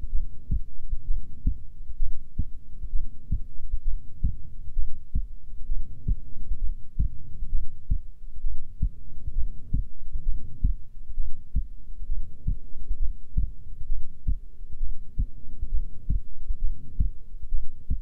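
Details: Female resting heartbeat: steady low thumps at about 66 beats a minute under a faint hum; normal heartbeat.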